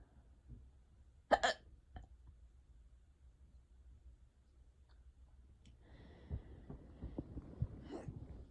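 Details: An adult self-records an unusually bad, prolonged hiccup bout in a quiet room: sharp, sudden hiccup sounds followed by softer breathing; hiccups.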